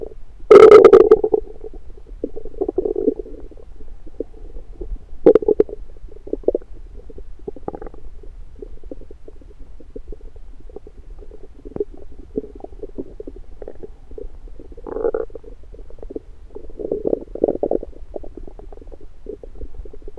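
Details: Frequent low gurgles and rumbles with a loud opening gurgle, recorded in the morning with an electronic stethoscope over the abdomen after breakfast; active bowel sounds.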